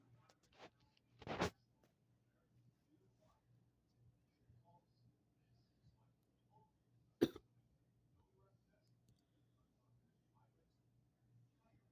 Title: hiccups video 2